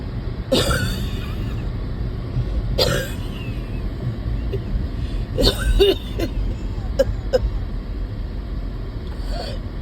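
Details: Adult who gets winded even walking to the car, mostly lying around: several short, harsh coughs and throat clearing over a steady low engine rumble; cough.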